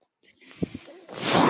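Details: Mechanical ventilator breathing cycle: the speaker's own ventilator heard during speech, as recurring breath noise.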